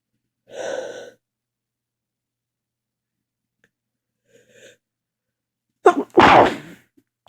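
A quiet intake of breath, a pause, then an explosive sneeze in a quiet room.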